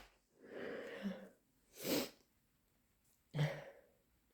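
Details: Wet induced/hay fever sneezes: a drawn-in breath followed by two wet, explosive sneezes.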